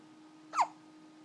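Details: Hiccuping at 3 in the morning after a meal: a single sharp, brief hiccup in a quiet room.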